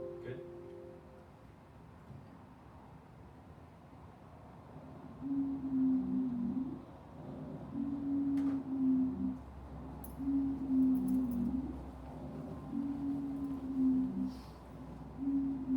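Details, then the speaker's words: Repeated musical, high-pitched whistling tones with each breath, played in a classroom lecture as an example of wheezing; wheezing from constricted airway. "so it's going to be this high pitch and you know if you really think about it it's being caused by by a constriction of the airway"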